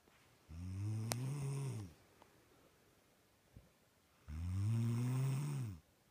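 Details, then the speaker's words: Adult woman (wife) snoring during sleep at night: two loud, low rumbling snores over a second each, with quiet pauses between; she denies snoring. Heavy snoring. "lovey if you do not stop snoring I will kill you I'm not snoring you're not you're not snoring but you are no I feel like I'm sleeping next to a pig"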